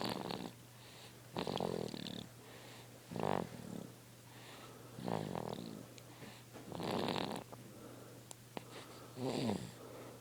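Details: Snoring from a sleeping baby girl who was very tired.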